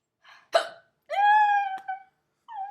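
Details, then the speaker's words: Person who started hiccuping while eating: one sharp, abrupt hiccup burst, then a brief voiced squeal and a softer trailing sound. "oh my gosh I have hiccups yay so I'm eating C dog and I had to start hiccuping"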